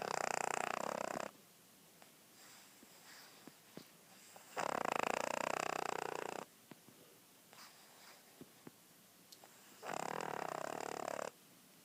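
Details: Snoring: three loud, rattly breathing sounds every four to five seconds, about 13 breaths a minute, with quiet gaps and faint clicks between.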